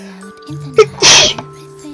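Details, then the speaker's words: Person deliberately trying to sneeze with both eyes open: a quick inhaled catch, then one loud, explosive sneeze over soft music. "You know these bubblegum rappers, you get a joke them and on this one it is written that it is impossible to sneeze with both eyes open. And I'm going to unprove that."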